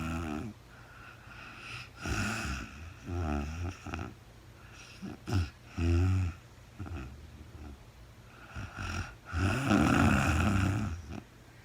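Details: Real-time recording of a woman sleeping overnight after being very tired, no talking: irregular snoring with fluttering, whistly breath sounds, snorts and uneven breath lengths, in a quiet room. Snoring.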